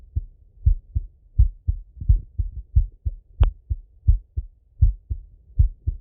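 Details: Male heart auscultation through a stethoscope, recorded sitting or lying: low paired heartbeat thumps at about 80 beats a minute with one brief scratchy rub noise; normal heart sounds.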